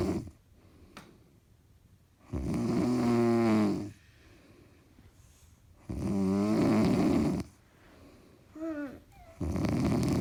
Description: is snoring very loudly.